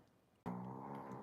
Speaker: used to can you hear her snoring sorry I'm interested